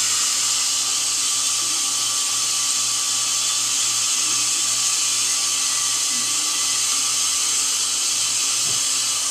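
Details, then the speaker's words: Steady high-pitched whine with water-spray hiss, a dental drill preparing a decayed tooth for a needle-free bonded white filling, just before the last of the drilling; dental drill. "Okay, and this will be the last of the drilling."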